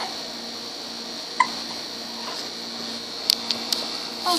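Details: Hiccups in a girl: a quiet room with a few brief, sharp catches of breath, most in a quick cluster near the end.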